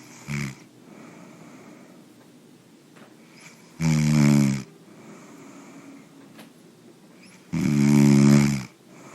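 Loud, rough snores on breaths in, about 16 a minute, with quiet stretches between. Snoring.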